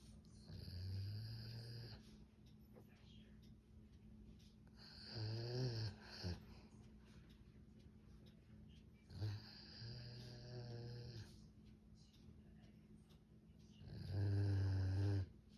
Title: Snoring like human